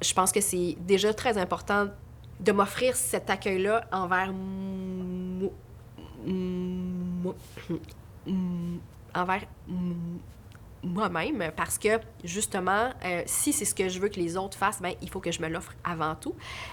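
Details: Real stuttering in an adult French-speaking woman who stutters, a speaker and trainer.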